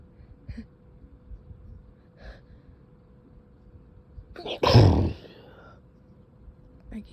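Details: Stifled sneezing, sneezes that hurt: a quiet build-up of breaths, then an intense, partly held-back sneeze burst in a quiet room.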